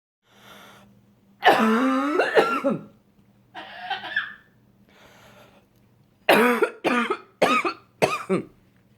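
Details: An Amazon parrot produces a run of whistly, tonal cough-like bursts, imitating its owner's cough when sick; imitated cough.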